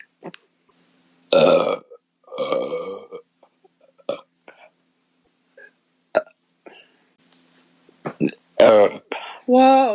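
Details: Adult woman burping after drinking a can of beer: several loud, drawn-out voiced belches separated by pauses and small breath sounds; repeated burping.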